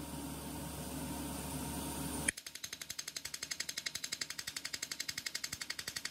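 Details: Erbium YAG laser firing during removal of an epidermal nevus from a patient under anesthesia. A hum, then a rapid regular train of sharp snapping pulses, about three a second.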